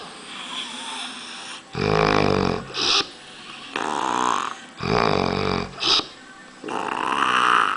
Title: Snore - rohalito